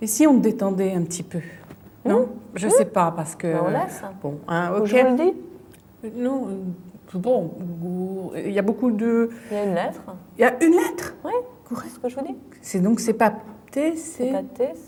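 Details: Woman with aphasia from a brain lesion, fluent speech with word substitutions and distorted words while searching for a word in picture description; fluent aphasia with word-finding difficulty.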